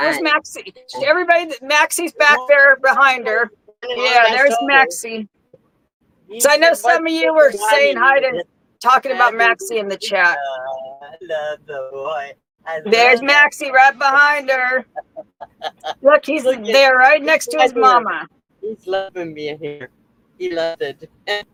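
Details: Adult woman; normal speech.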